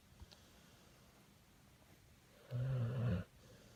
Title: Bentley my bully pit snoring